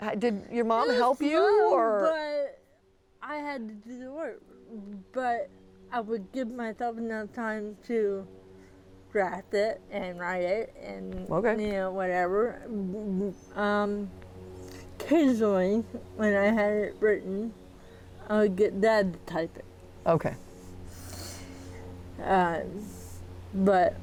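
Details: 40-year-old woman with moderate athetoid cerebral palsy, quadriplegia, GMFCS level 3/4, moderate to severe physical involvement, uses a walker and power wheelchair; speech may be hard to understand; dysarthria (athetoid cerebral palsy).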